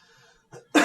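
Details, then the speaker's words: Voluntary cough on request during abdominal hernia examination, inguinal and femoral areas inspected and palpated for pulsations or bulge: a single short, forceful cough. "then of course we want to look in this area in the inguinal area and in the femoral area to see if there are any pulsations when the person coughs"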